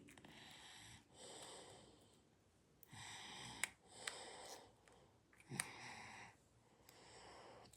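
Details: Snoring: slow, rhythmic noisy breaths, about eight cycles a minute, with a rough fluttering on some breaths in a quiet room.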